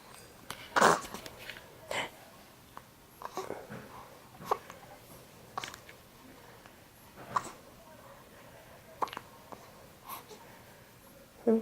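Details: Baby girl with hiccups: short, abrupt catches in the breath, about eight in twelve seconds, with light room noise.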